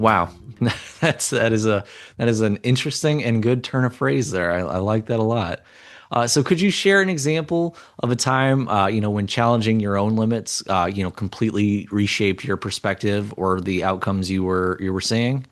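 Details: Adult male speaker; typical speech.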